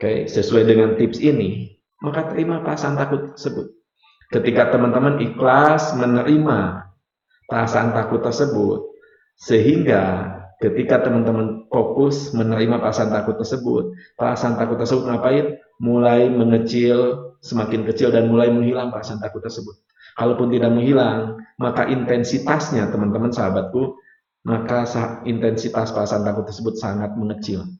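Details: Adult man, a hypnotherapist and lecturer, unable to pronounce R clearly (cadel) since childhood; rhotacism.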